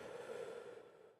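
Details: Normal deep breathing during a respiratory examination, with the patient asked to breathe deeply in and out through an open mouth: a soft, airy breath that fades with a brief click and no added sounds.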